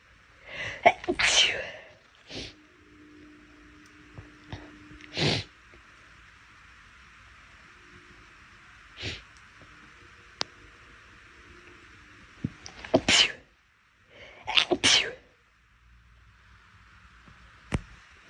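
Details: Girl sneezing: about six sharp sneezes, some preceded by a quick inhaling catch, with quiet pauses between; repeated sneezing.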